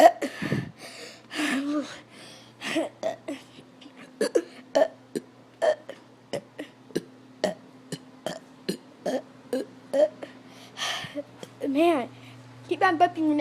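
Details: Person who drank about three gallons of water that day: repeated short throaty belches, a dozen or more in quick succession, over a steady room hum; frequent burping.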